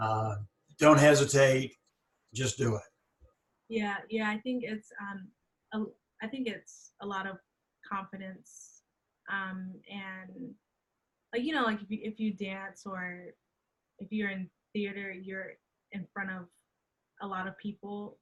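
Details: Adult woman who stutters, onset at age three, speaking in a conversational interview; real stuttering.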